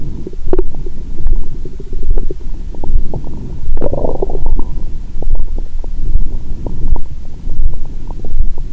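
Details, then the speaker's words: Stethoscope on the abdomen after a large Christmas dinner with wine following a 22-hour fast; stomach rumbling constantly. Gurgling and rumbling with frequent pops and bubbling: active bowel sounds after a large meal. "यहाँ से, पेट की आवाज़ों का अनुवाद करना वाकई कठिन था, और मैं टाइम स्टैम्प🙇 भी नहीं बना सका। मेरा पेट हर समय गड़गड़ाहट कर रहा है।"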